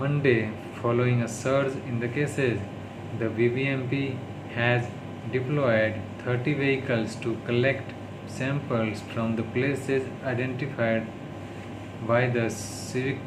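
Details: Adult man with stammering in daily speech-therapy practice (day 36), reading news in English; his worst stuttering yet, worsened by tiredness, stress and low mood; stuttering.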